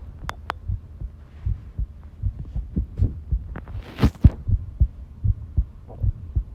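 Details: Long heartbeat recording: normal heart sounds, soft, low thumping heartbeats at roughly 75–80 a minute with a faint hum and handling noise.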